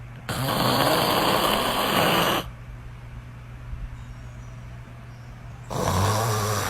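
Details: An animal snoring: loud, harsh, rattling inward snores lasting about two seconds, with a quiet pause between breaths; noisy snoring.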